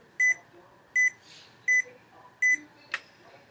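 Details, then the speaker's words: Automatic upper-arm blood pressure cuff (DBPOWER) demonstration: four evenly spaced electronic beeps as the monitor starts and inflates to measure pulse; the reading was then 126/73. "it beeps and it'll start [Music] inflating the beeping is to measure your heart rate your pulse heart rate pulse same"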